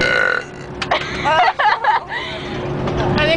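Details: Several short, voiced, throaty burps close together over background noise and chatter, from people holding a burping contest on a charter bus after energy drinks, candy and soda.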